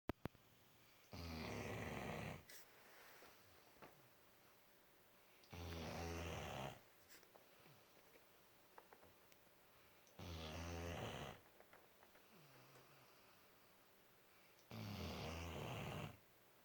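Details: Four-month-old puppy snoring in sleep: four loud, low, rattling snores, about 13 per minute, separated by quiet pauses in a small room.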